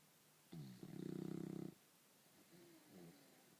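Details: Sleeping in bed like a human, snoring: one loud, rattling, vibrating breath followed by quieter, softer breaths.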